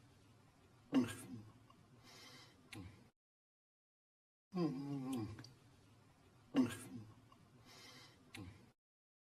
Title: Dexter Sleeping & Snoring